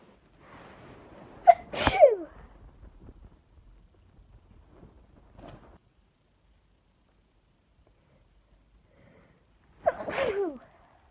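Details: Allergic sneezing fit from a bouquet of lilies: two loud sneezes, a sharp intake before the first and a quiet pause between.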